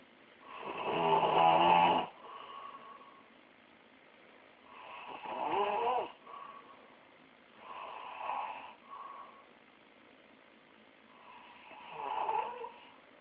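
Four loud rattling snores on inhalation, each followed by a softer outbreath, about 18 breaths a minute; snoring.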